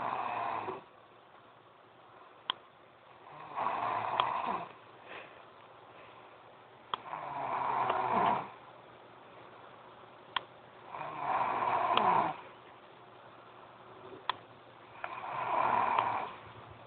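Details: Girl snoring loudly: rhythmic rattling snores on each breath in, about 16 a minute, with quiet pauses and faint clicks between.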